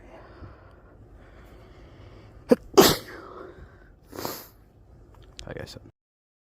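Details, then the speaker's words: Sneezing fit outdoors while skateboarding, which the person blames on cold weather, allergies and being drunk: quiet outdoor background, then one sharp forceful sneeze with a couple of smaller sneeze-like bursts. "how are you going to make me sneeze so much and still fall start"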